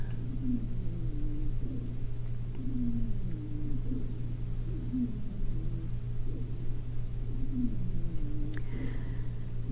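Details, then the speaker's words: Teaching example in a thorax and lungs module contrasting normal and adventitious breath sounds: musical, high-pitched whistling tones repeating with each breath over a steady low hum; wheezing. "let's take a listen to wheezing this is a real high pitch"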